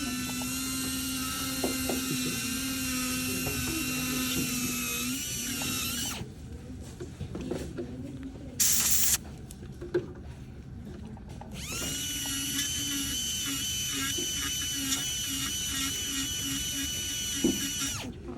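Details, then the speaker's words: Dental drill: a low-speed laminated carbide bur removes palatal caries through to the buccal side for a class III restoration, with a metal matrix protecting the adjacent tooth. High-pitched whine in bursts over room noise; undergraduate teaching. "Então a gente começa com a broca carbide laminada na baixa rotação. É importante ter essa matriz metálica aqui para proteger o dente do lado, para não encostar no dente do lado com a broca."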